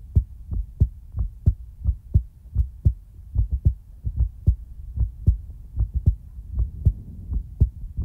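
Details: Real-time heartbeat ASMR recording: steady low heartbeat thumps at about 75 beats a minute with a soft hum underneath; a normal heartbeat.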